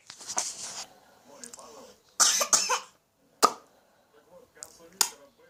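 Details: Young girl gives several short, abrupt coughs in a small quiet room, with a few softer vocal sounds between: cough.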